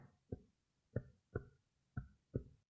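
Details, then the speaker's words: Chest percussion over the lung of an examined patient: five firm taps giving low, hollow, sustained notes; normal resonant percussion note of air-filled lung. "remember the lung is an air filled organ so an air filled organ if I tap it will make a sound called resonance this is what it sounds like"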